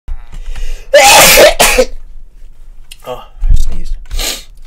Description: No I do not always sneeze multiple. But most of the time I do.